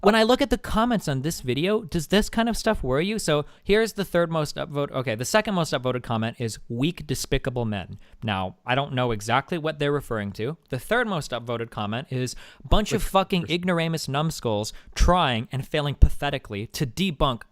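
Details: Adult male speaker; Normal speech.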